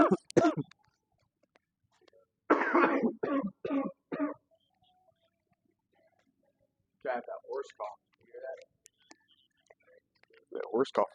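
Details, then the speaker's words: Harsh cough bursts and throat clearing in a quiet room, with a short run of repeated coughs; speaker blames changing climate weather for the cough. "horse cough is crazy. It's really this climate weather, chat."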